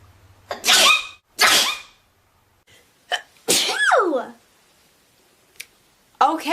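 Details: Sneeze compilation: string of loud separate sneezes from different people, some with voiced trailing cry after the burst.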